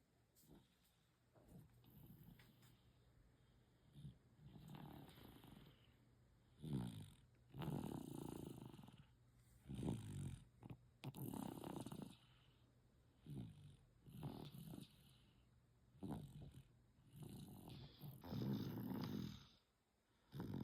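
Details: Sleeping baby snoring during a daytime nap, with soft, rough snoring noises on each breath, uneven in strength, over a quiet room hum.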